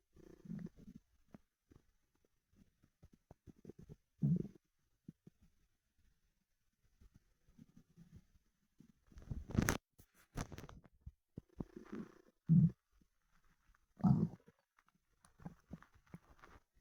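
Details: Low gurgling and rumbling bowel sounds in irregular bursts from an empty stomach after 24 hours without eating: borborygmi, stomach rumbling.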